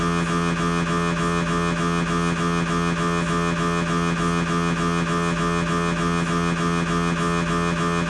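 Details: Siemens MAGNETOM Lumina 3 T MRI scanner, lumbar spine exam: loud, steady, rapidly pulsing droning hum, about 200 pulses a minute, typical of a T2-weighted turbo spin echo sequence; MRI scanner noise.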